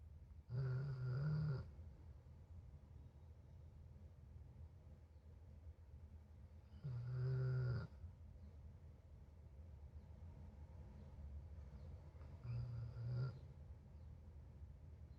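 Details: Snoring: three low rumbling snores, each about a second long, spaced several seconds apart, in a quiet room.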